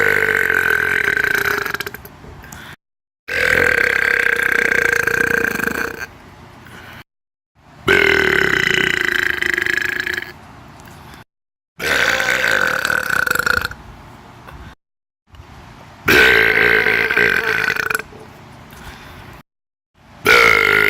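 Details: About six long, loud, voiced burps, each lasting two to three seconds, separated by brief silences: burping.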